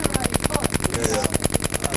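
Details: DolorClast radial shockwave therapy by a sports chiropractor over an Achilles tendinopathy lump, ankle held dorsiflexed: fast, regular sharp tapping pulses about ten a second; radial shockwave device firing.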